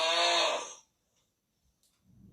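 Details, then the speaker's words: Single loud, rasping snore under a second, then near silence and faint low breathing: snoring during sleep. "Обычно звук храпа раздражает меня, но звук оказался очень даже забавным."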